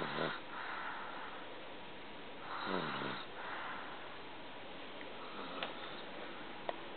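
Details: Snoring during sleep: rough, rattling snores on each breath in a quiet room, several within seven seconds.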